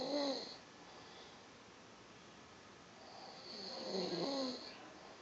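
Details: Snoring in a quiet room: two rough, rattling, hissing inhalations separated by a quiet pause.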